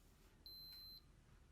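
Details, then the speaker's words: A Fora P30 Plus upper-arm blood pressure monitor gives a single clear half-second power-on beep in a quiet room after its batteries are put in, showing it is ready to measure. "we might as well go and put the go ahead and put the batteries in and we turn it on"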